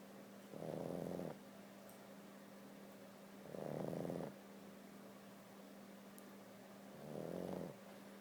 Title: Roxy the Snoring Pug wakes up for "Park?"